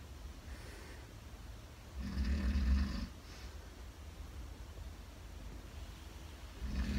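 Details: Real snoring from a teenager's father genuinely asleep at night in a shared room: low, rumbling, loud snores roughly every four to five seconds over faint room hiss.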